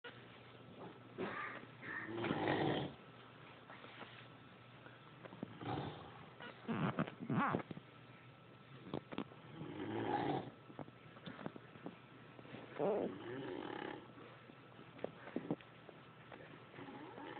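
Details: Irregular snorting, rattling snores with uneven spacing, clicks and room noise, recorded in a basement during a 2006 camp reunion; snoring.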